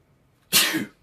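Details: A single sudden, hissing burst of air after a brief quiet pause, fading over a fraction of a second: an ordinary adult male sneeze, one of a series.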